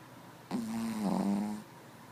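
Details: Snoring: a single loud, steady, buzzing low-pitched snore on one breath, then quiet room noise.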